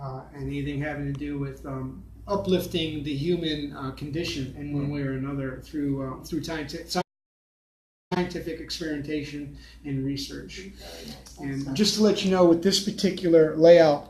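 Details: Adult man with aphasia after a stroke nine years earlier, with total right-sided weakness, speaking in a real conversation; aphasia.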